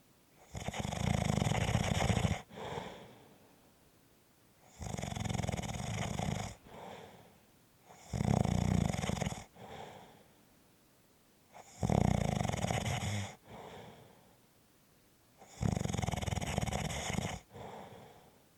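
Loud rattling snores on each in-breath with softer out-breaths, about 15 breaths a minute; regular snoring.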